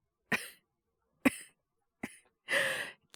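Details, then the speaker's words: Four acted coughs from a male voice actor, three short and one longer and harsher, a small coughing fit of a young man with a worsening cold and 36.9°C low-grade fever; simulated. "ちょっと咳出るようになっちゃって。風邪ですかね？"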